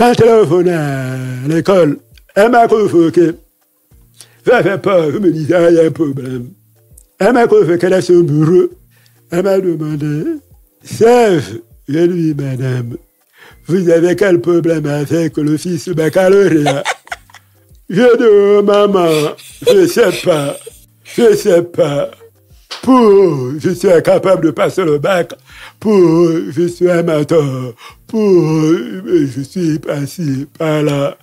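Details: Deaf speech in French from a man who lip-reads. His hearing loss followed a childhood illness, which he says left his voice not normal.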